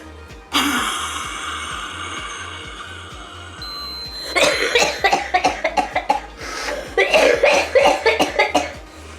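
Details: Person with cystic fibrosis, whose lung function was recently low (about 60%), tests lung function before exercise. A long forced blow into a handheld lung-function meter, then bursts of repeated coughing that clears mucus.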